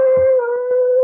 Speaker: Entonces el estridor, dice, es un sonido fuerte, agudo y sibilante que se escucha durante la inspiración pero que también puede ocurrir durante todo el ciclo respiratorio. A menudo se escucha sin estetoscopio. Es un sonido fuerte, ¿no?